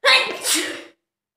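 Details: Self-induced sneeze in a sneezing challenge: one sharp, hissing sneeze burst with a brief breathy tail, then silence.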